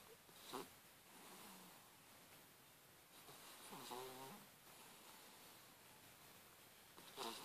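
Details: Sleeping puppy making soft, irregular snorting breaths over a quiet hiss; snoring.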